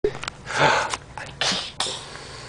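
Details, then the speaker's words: Several short, sharp sneeze-like bursts with airy hiss, deliberately faked on request rather than true sneezes; fake sneezing. "Did you fake sneeze? Oh. Tell us. Now sneeze."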